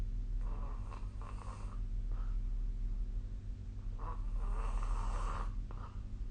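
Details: Snoring during sleep, recorded 15 December 2024 with the SnoreLab snoring app: two rough, fluttering snores on inhalation, roughly four seconds apart, over a steady low room hum.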